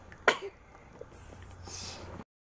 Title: The sneezing champ!